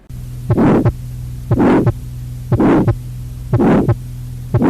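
Regular heartbeat, about 60 a minute, with a long, harsh crescendo-decrescendo systolic ejection murmur of tetralogy of Fallot, over a steady hum.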